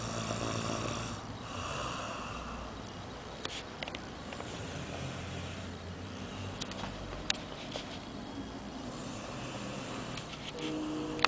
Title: snoring